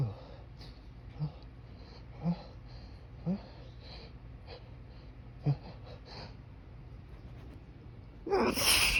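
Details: Strong morning allergy sneezes held back outdoors in breezy, pollen-filled air by pressing fingers to the nose: several short catching breaths build up, then a burst of sneezing at the end.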